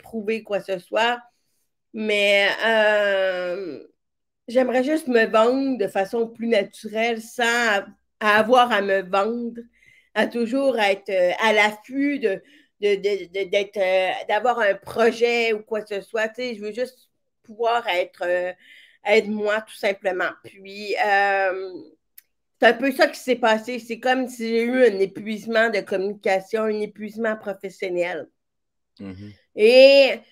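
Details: Severe-to-profound deafness in an adult woman who hears with her right ear via a hearing aid and now a cochlear implant, and who worked on her voice on her own; deaf speech (severe-to-profound hearing loss).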